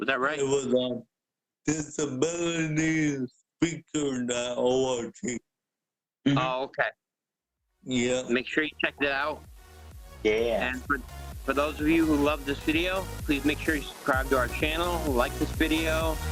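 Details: Adult male; Normal speech.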